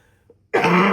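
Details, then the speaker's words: Adult with a lingering cold: near silence, then one loud, rough, partly voiced cough running into throat clearing, cut off at the end. "Excuse me. As you can still as you can hear, I still have some cold in me, but um that's so excuse my my noises [cough and clears throat] and my coughing."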